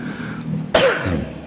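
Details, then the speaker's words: An adult speaker with a somewhat hoarse voice and a slight cough, strained from several days of use, coughs while giving a mosque lecture. "Alhamdulillah pertama saya mohon maaf suara saya ada agak serak Kara di samping agak batuk juga"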